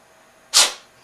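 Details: Cat sneezing the night before a vet visit, after sneezing and coughing: a single short, sharp, hissing sneeze.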